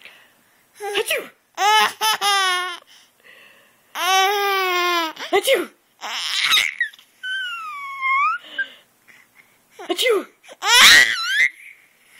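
High-pitched infant vocal bursts, part cry, part squeal and laugh, in a small room; infant crying and vocalizing.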